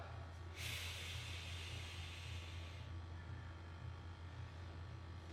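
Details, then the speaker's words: During a capnography demonstration, an adult paramedic on a monitor reading respirations 22 and EtCO2 45 holds his breath, then gives one strong, airy exhalation of about two seconds over a steady low hum. "okay so I'm gonna hold my breath and let's see what it does as you see flat lines right does nothing why because it's measuring the carbon dioxide so as you breathe out"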